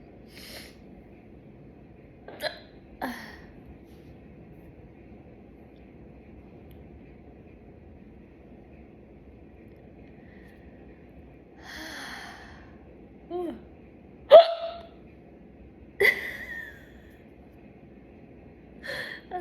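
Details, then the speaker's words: Girl hiccuping after chugging soda: a few abrupt, brief throaty catches and voiced gulps, irregularly spaced, one a hiccup combined with a yawn. "was like a yawn combined with a hiccup."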